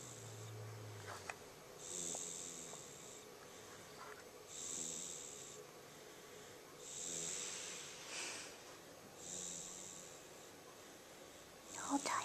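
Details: Snoring while asleep at about one year old: soft, hissy snoring sounds recurring about every two and a half seconds, roughly 24 a minute, over steady room noise.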